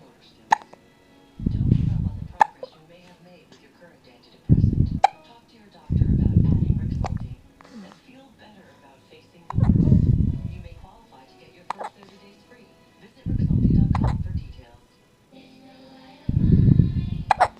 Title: Sleepy hiccups